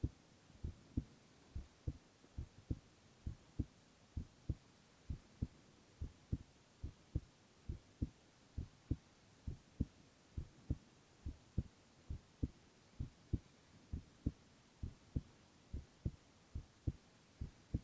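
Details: Male (boy) heart sounds in a silent, no-talking ASMR recording: steady paired low thumps at about 67 beats a minute over faint hiss; normal heartbeat.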